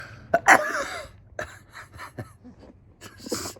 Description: I sneezed In the beginning of the video and talked about being all Dollyed up